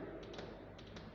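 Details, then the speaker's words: Tapped imitation of a third heart sound (S3) gallop rhythm, groups of three quick taps like a horse's gallop instead of two heart sounds, taught as characteristic of left heart failure: gallop rhythm. "Tercer ruido cardíaco, ritmo de galope. Así es el sonido. Como si fuera un caballo. Así suena el corazón."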